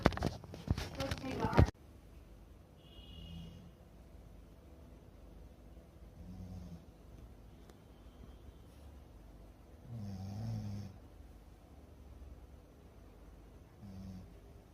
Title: Snoring champ 😅 #snoring #dogsnoring #cute #youtubeshorts #funny